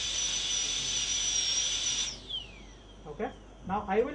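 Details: Molar crown preparation for a porcelain-fused-to-metal crown, with water spray audible: high-pitched steady whine of a dental high-speed drill with hissing spray for two seconds, winding down, then brief lower bursts; dental high-speed handpiece.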